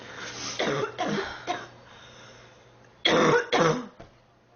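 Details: Girl sick for about 3 weeks, feeling hot and unwell: two clusters of harsh, rough coughs, about five bursts in all, in a quiet room.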